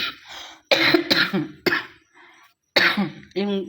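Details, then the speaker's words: Several short, dry, unproductive coughs with throat clearing and no phlegm; persistent dry cough that comes and goes, triggered when sitting, made hard by whole-body movement; Solmox tried without benefit. "Parang yung ubo ko mga kabitay parang wala namang plema. Kundi yung ubo lang."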